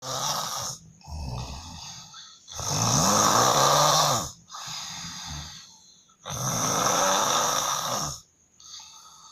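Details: Genuine, not staged snoring of a man, recorded by his wife: very loud, harsh, roaring snores on each breath in, quieter rasping breaths out, roughly 17 breaths a minute.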